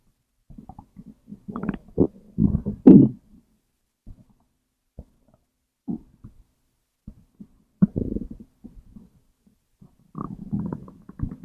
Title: stomach growl #2